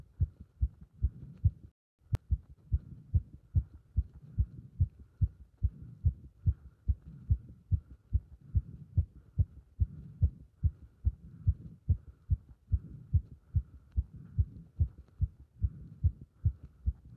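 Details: Heart sounds recorded with pressure on the chest during squats: steady, fast, regular low thumps of a heartbeat under light rubbing noise, heart sounds during exercise.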